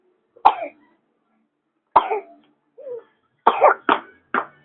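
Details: A fussy toddler laughs heartily at the mother's joking, then gives a series of short, dry coughs and throat-clearing sounds brought on by the hard laughter.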